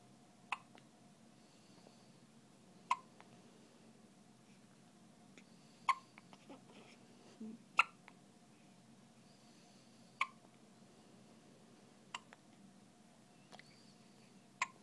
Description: Poor baby has the cutest hiccups